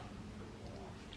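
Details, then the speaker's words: Adult woman's hungry stomach growling (borborygmi), noticed while she talks: a quiet, low, gurgling rumble lasting about a second with faint room noise. "my God, my stomach, did you just hear that? Baby girl will feed you soon, don't worry."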